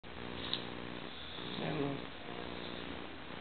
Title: roncando en Guatemala , mi papa. My dad Snoring